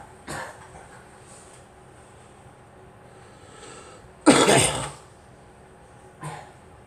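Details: Girl coughing: a single loud cough burst with a couple of fainter coughs before and after, in a quiet room.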